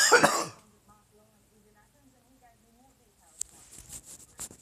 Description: Sleeping Chewbacca reacts to my coughing by clacking his teeth and chirping.